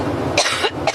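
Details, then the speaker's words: Adult woman gives two quick, harsh coughs during a press conference aboard her campaign plane, part of a coughing fit interrupting her speech; cough. "well that was Press Conference there board her new camp campaign plane interrupted by coughing fit"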